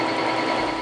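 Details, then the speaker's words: Rapid, steady buzzing rattle of a state-of-the-art tattoo removal laser pulsing in quick succession while removing a simple black finger tattoo from a woman. "now watch those years of regret fade away with this $300,000 state-of-the-art laser"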